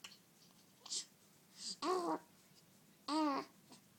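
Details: Happy small child with hiccups: brief catching sounds followed by short voiced squeaks, repeating at irregular intervals.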